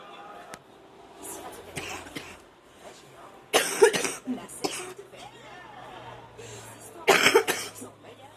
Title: # 33 watching tv and coughing up a storm